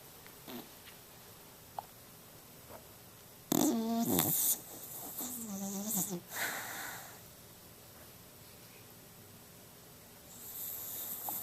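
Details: Snoring from a sleeping pet dog.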